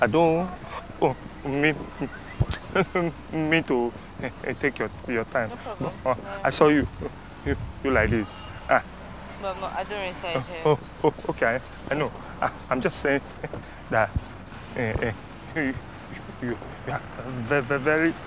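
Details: Stuttering acted by a man playing a stammerer in a street prank; not a genuine disorder.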